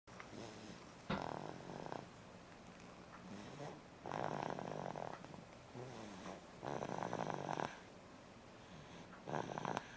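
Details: Repeated rough, buzzing snores about every two to three seconds, in the steady breathing rhythm of sleep; snoring.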